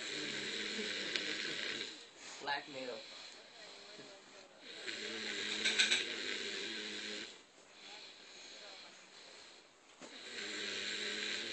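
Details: A man snoring while asleep with his head not touching the cushion, recorded during the 2010 holiday season: long hissing, rasping breaths repeating every few seconds, with a snort partway through.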